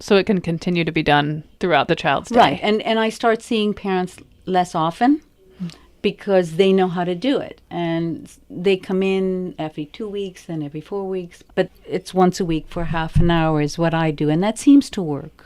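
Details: Adult woman speaking; typical fluent speech.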